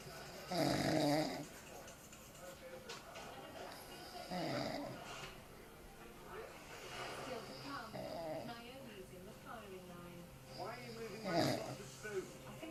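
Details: Man (a dad) snoring in sleep while drunk after too much beer, irregular loud rattling snores with quieter breathing between; snoring.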